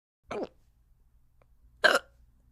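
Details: Simulated cartoon hiccups voiced for the character Pencil during a kindergarten class numbers lesson: two short, sharp hiccup sounds about one and a half seconds apart.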